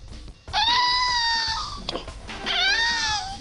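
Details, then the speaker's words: Cri du chat syndrome: two high-pitched, thin, plaintive cat-like cries, the first sign of this genetic disease; featured child with the syndrome is 7½ years old. "pleurs et bure plaintif c'est le premier signe de la maladie du tri du char"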